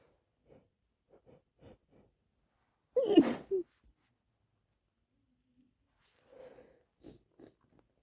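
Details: Held-back sneeze with wet sniffling: soft breaths lead into one loud, partly held-back sneeze burst, then quieter huffs in a quiet room.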